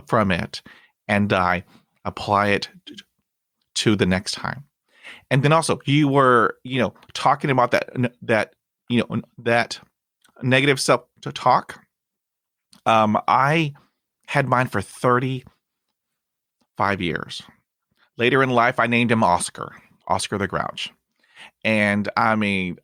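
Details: 29-year-old man who stutters, bilingual Spanish-English, currently in speech therapy and practising by talking to strangers, with no known family history of stuttering; stuttering.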